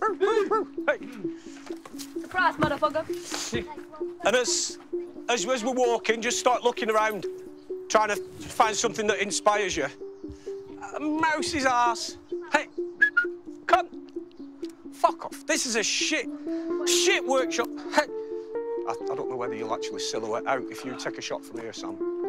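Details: Adult man with Tourette syndrome since childhood, a genetic neurological condition, almost unable to suppress tics, speaking at a Tourette camp; involuntary vocal tics including obscene or offensive words interrupt speech; Tourette syndrome vocal tics (coprolalia).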